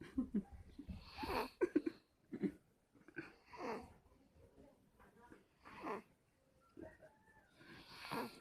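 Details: Irregular rough, rattling snoring breaths during sleep, with noisy inhalations and pauses between them.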